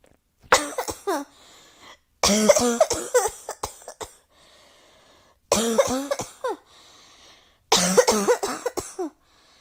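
Four bouts of repeated harsh coughs, several coughs in each, separated by short pauses and breaths, in a quiet room.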